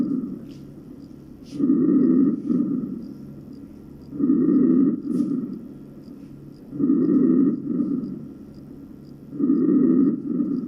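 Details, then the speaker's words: Teaching manikin in a skills lab: soft, rustling breath sounds in a steady rhythm of about 14 breaths a minute; normal vesicular breath sounds. "الآن سنسمع إلى normal vesicular breathing or"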